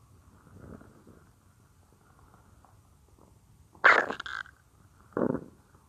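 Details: A woman's own stomach, heard as if lying on her belly: faint gurgles, then two short, loud growling gurgles. Ordinary stomach growling (borborygmi).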